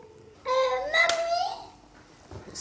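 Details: Girl aged 7½ with cri du chat syndrome, a genetic disease; she has not yet mastered language, is hard to understand even for familiar listeners, and uses Makaton signs; delayed language development in cri du chat syndrome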